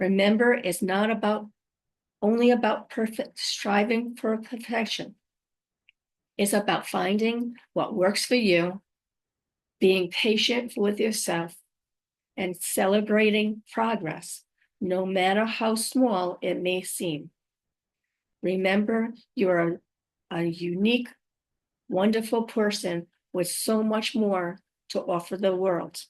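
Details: Woman five years after a stroke who says she has aphasia, apraxia of speech and dysarthria, and that her speech can sometimes be hard to understand. Aphasia with apraxia of speech and dysarthria.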